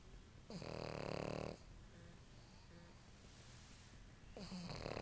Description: lucy snores really loud when she's tired, silly pug.